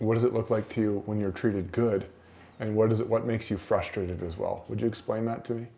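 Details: Adult male speaker (interviewer); Typical speech.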